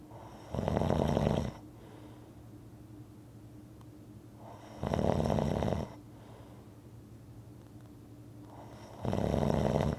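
Loud, regular, vibrating snores on each breath in, about every four seconds, roughly 14 breaths a minute, with quiet pauses between.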